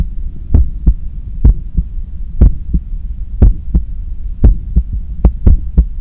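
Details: Steady paired lub-dub thumps at about 60 beats a minute over a low hum, with a visibly strong neck pulse while cooling down after a 10 km run: normal heart sounds.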